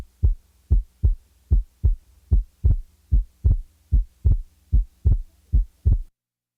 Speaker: The second sound will be split upon inspiration and usually will be heard as single on expiration. The physiologic split second is heard best at base left with the diaphragm chest piece.